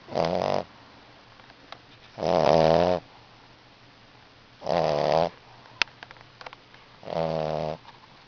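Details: 8-week-old Coba snoring: four loud, rattling snores on the in-breath, regularly spaced at about 26 a minute, with quiet pauses between.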